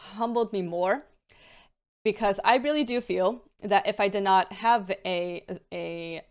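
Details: Adult female with a stammer, with repetitions, prolongations and blocks that vary day to day and worsen with stress and mental state; stuttering (stammer).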